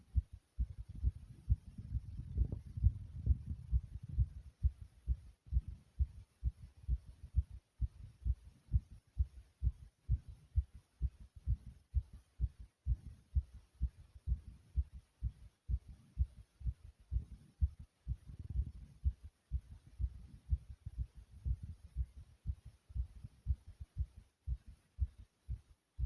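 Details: Rapid, forceful, low heart thumps at about 130 beats a minute, described as beating hard and loud: fast heartbeat (tachycardia).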